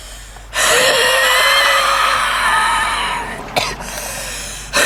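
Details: Woman smoking in a car with a strong smoker's cough: a long, loud inhale carries a steady musical whistle with several pitches, then shorter breathy catches; inspiratory wheeze on almost every inhale.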